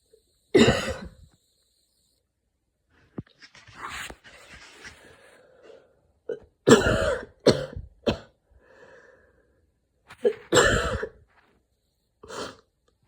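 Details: Person with asthma after an evening run in the cold: wheezing escalated into a coughing fit, with repeated harsh coughs in clusters and breathy gasps between them; mild asthma attack.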